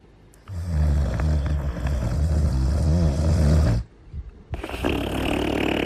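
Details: Cartoon character Cooler (Little Einsteins) snoring, not a real recording: loud, low rumbling snore on an inward breath followed by a quieter outward breath; animated snoring.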